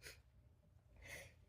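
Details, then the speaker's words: Two soft, stifled nasal sneezes with quiet room noise between, from someone whose nose has been tickling all morning and who is sneezing after lighting a candle while painting. "And my nose has been tickling all morning like absolutely crazy."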